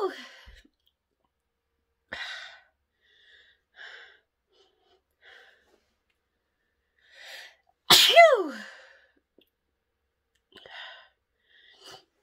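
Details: Woman deliberately sniffing pepper to trigger sneezes: quiet sniffs and breaths, then one loud explosive sneeze, followed by more sniffing; she also honks her nose to clear her sinuses.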